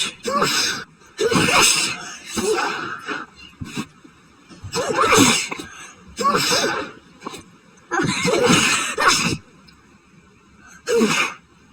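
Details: Adult sneezing fit after going outside during high pollen count, suspected new grass allergy: about eight sharp sneezes in quick succession.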